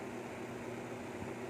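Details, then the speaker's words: Steady mechanical hum with faint hiss from a small compressor nebulizer on the first of three settings, used at home for a patient recently discharged from hospital after dengue to keep airways clear. "So meron siyang tatlong ano tatlong level ng ano niya. Yan. Yan yung first level."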